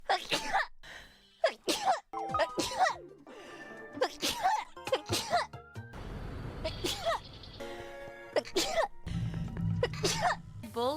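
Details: A VTuber sneezes repeatedly for about 51 seconds during a game stream, heard over background music and game sounds; a prolonged sneezing bout.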